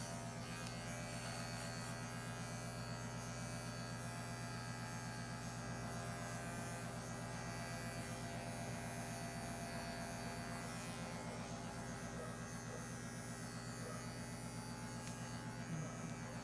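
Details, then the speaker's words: Steady buzzing of electric clippers shaving fur at the planned incision site, starting at the incision and working outward, on an intubated, anesthetized 17-month-old intact male Labrador Retriever mix before a prescrotal neuter; scrotum itself not shaved. "first starting where the incision will be working my way out without going over the same area more than once"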